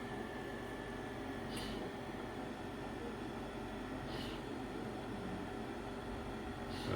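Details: Varon portable oxygen concentrator running on setting one, its lowest, after warming up; oxygen purity reads about 91–92%. Steady machine hum with a soft hissing puff every few seconds.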